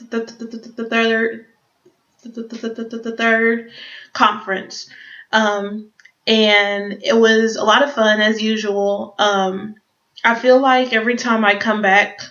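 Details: Adult who stutters, speaking English, with audible repetitions; stuttering.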